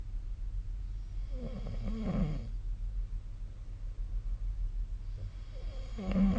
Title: 🐽 本日のイビキ / Snoring Sleep Sound 2025/04/06